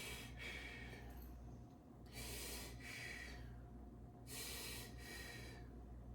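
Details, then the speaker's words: Normal bronchial and vesicular breath sounds during a student nurse practitioner's exam of a male patient taking deep breaths, stethoscope at the right lung apex: three soft, airy breath cycles over a steady background hum. "i'm going to now um uh listen to your lung sounds we're going to go up to the apex which is right above the right hoovicular line to listen to the lungs better we're listening to bronchial and vascular breast sounds take deep breaths"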